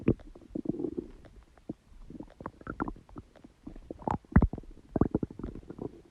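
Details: Frequent irregular gurgles, squelches and low rumbles from a person's own belly: ordinary stomach growling, or bowel sounds (borborygmi).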